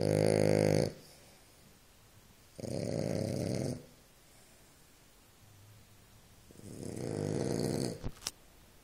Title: French bull pup is snoring...can't watch tv